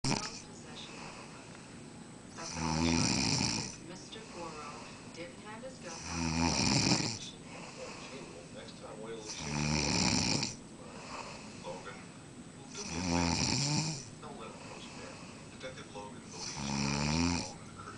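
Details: Heavy snoring: loud rattling snores on each breath in, about 17 a minute, with quiet breathing between them.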